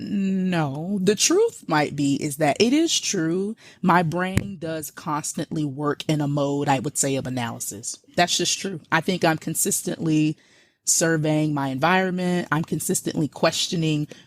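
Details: Adult woman speaking; normal speech.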